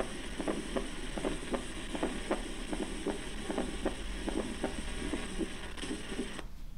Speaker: Now fourth hard sound. Once again, fourth hard sound, huh? Fourth. S4.